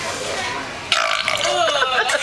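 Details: Burp contest, round two: a loud, drawn-out burp over noisy background chatter.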